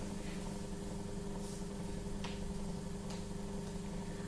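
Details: Oronasopharyngeal suctioning demonstrated by a nursing tutor in an educational video, with normal saline: steady low motor hum with a faint whine and a few soft clicks; suction machine running.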